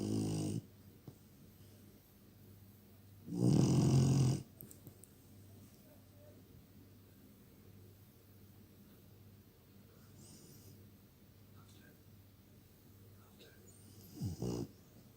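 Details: Male dog snoring loudly: a few loud, low, rumbling snores separated by long quiet pauses; snoring.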